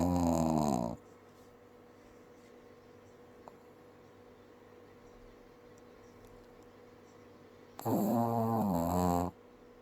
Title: Very loud snores from teeny tiny dog!